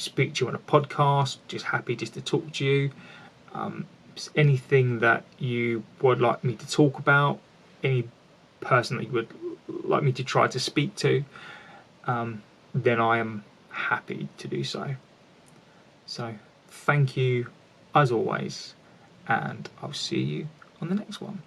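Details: An adult man with a lifelong stammer, with repetitions heard; finding: stuttering (stammering).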